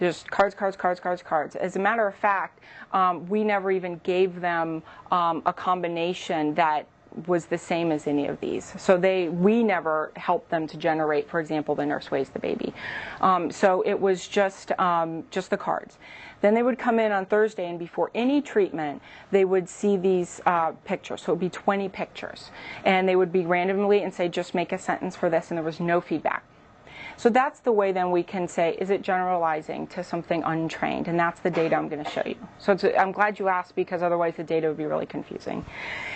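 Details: Adult woman presenter; typical speech.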